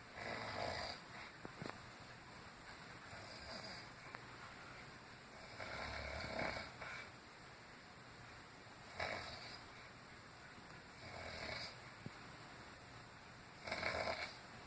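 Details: Loud rasping snores from an elderly woman (grandmother), recurring about every 2.5 seconds, roughly 12 to 13 breaths a minute, over quiet room noise: heavy snoring.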